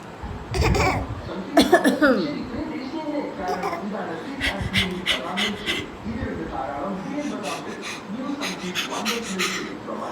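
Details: 10-month-old boy imitating coughs as play, not illness: two short, forced cough-like bursts, then babbling and giggles.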